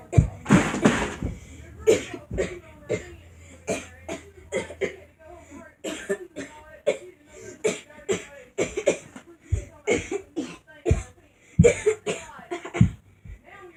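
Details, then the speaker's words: Child's short dry coughs from being sick, deliberately repeated in a steady rhythm as a playful "cough dance" beat rather than spontaneous coughing. "I was sitting there and I started coughing because I'm sick. I thought I was coughing the rhymes, and I made a video."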